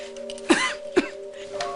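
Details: Adult woman's acted cough in a film scene, on a phone call, denying being sick: two short, sharp coughs over a steady background hum.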